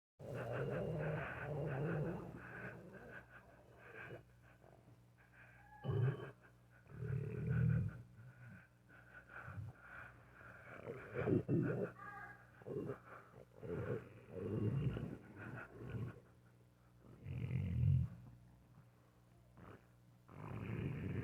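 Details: Low rumbling and gurgling bursts from a dog's belly: ordinary stomach growling (borborygmi).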